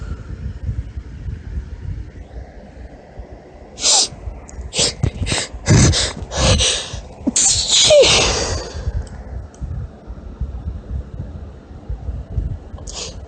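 A run of high-pitched sneezes, each with a catching breath before it, over quiet room noise.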